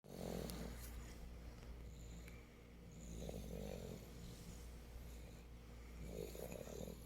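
Low, rumbling snores repeat about every three seconds over a steady background hum. This is snoring.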